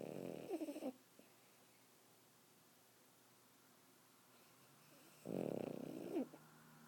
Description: Puppy Boston Terrier snoring